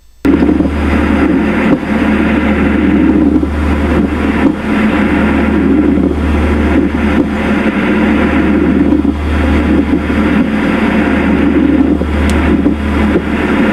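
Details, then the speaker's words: Recorded pleural friction rub, most audible over the inferolateral and posterior chest: harsh, creaking, grating noise rising and falling with breathing, like a wooden oxcart wheel. "pleural às vezes eu comparo o ruído do atrito pleural H um carro de boi aquele aquela coisa antiga do Carro de Boi em que aquela roda de madeira Range conforme ela vai se movimentando"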